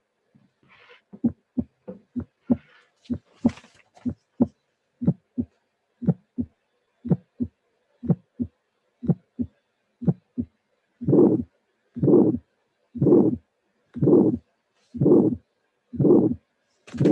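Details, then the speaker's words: Simulated bicuspid aortic stenosis at about 60 beats a minute: first sound then a crisp early-systolic ejection click, followed by a harsh ejection murmur peaking very early in systole. "This is another example of bicuspid aortic stenosis. This is immediately the recording of the auscultation finding this time. Here we have first sound and click, first sound and click, ejection murmur."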